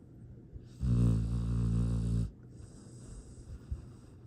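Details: Sweet, contented snoring from a sleeping rescue dog in Texas.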